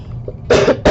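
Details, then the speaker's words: Single short, loud cough burst followed by the start of a second, from an adult woman sick with the flu, mainly head congestion. "Excuse me. And that's not a cough to flew around and whatever."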